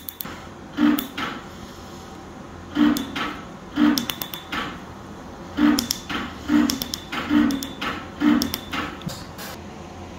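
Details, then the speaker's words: Candela PicoWay picosecond laser removing an eyeliner (upper-eyelid permanent makeup) tattoo, with eye shields in place to protect the eyeballs; sharp snapping pulses about once a second over a steady machine hum. "यह दुनिया का सबसे advanced tattoo removal device है और यह Kandela company का बना हुआ है अमेरिकन"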